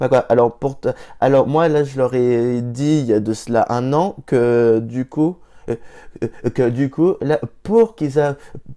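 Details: Stuttering in an adult man who stutters himself, with blocks and hesitations coming without warning, sometimes mid-sentence; mocked for it in primary school.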